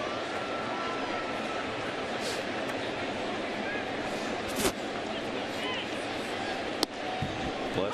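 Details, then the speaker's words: Single sudden sneeze by a baseball broadcaster on air, a brief sharp burst close to the microphone over steady ballpark crowd noise. "That sneeze was in the catcher's mitt. Oh. It's one of those sneezes that just sneak up on you."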